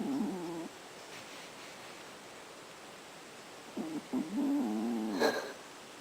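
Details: Two very quiet, low, slightly tonal breathing sounds a few seconds apart: a resting cat's soft snore, barely audible without maximum volume.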